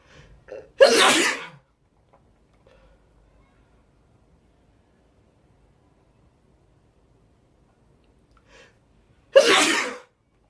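Two forceful sneezes, each with a short in-breath before a sharp explosive burst, several seconds apart in a quiet room.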